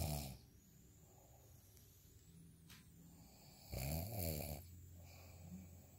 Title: snoring asmr sound 10